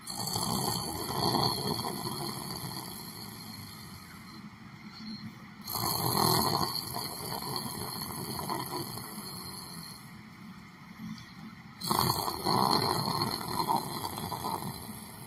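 Three loud, rough breathing noises about six seconds apart, over steady room hum: an adult snoring while asleep in a chair.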